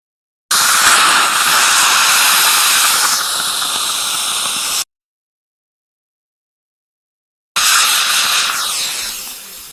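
Steady loud hissing, gurgling suction in two bursts with a pause between, the sound of a dental saliva ejector at work.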